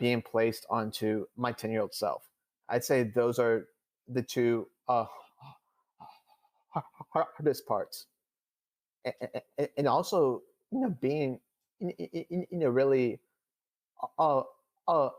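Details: Adult male who stutters, speaking in real conversation; he reports stuttering more than he had in years during a public talk; stuttering.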